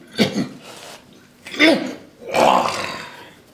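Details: Three rough, wet, throaty cough bursts from an elderly man with focal bronchiectasis with collapse, chronic cough and rheumatoid arthritis, during a respiratory examination; a productive cough.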